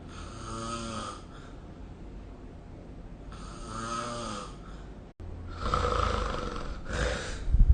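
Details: Snoring sound during sleep, recorded with the SnoreLab snoring-recording smartphone app.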